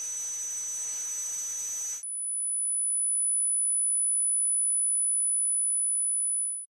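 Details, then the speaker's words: Simulated tinnitus: hiss with high tones giving way to a steady very high-pitched pure ringing tone, illustrating subjective tinnitus, mostly caused by hearing loss; tinnitus simulation. "듣게 된 소리만큼 보상해 뇌가 만들어내는 가짜 소리가 바로 2명입니다 소리 청각 세포부터 어 청신경을 통에서 올라가는 길이 어딘가 이상이 있어서 발생하는 소리 환자만이들을 수 있는 소리를 주관적 이명이라고 해요"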